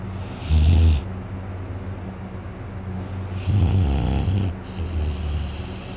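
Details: A very tired person asleep after a day of hunting, heavily snoring and left with a sore throat afterward: loud, low rumbling snores with each breath, roughly 20 a minute, irregular in strength.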